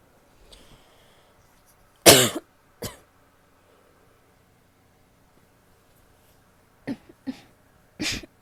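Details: A female coughing: several separate coughs in a quiet room, one loud harsh burst followed by softer, shorter coughs.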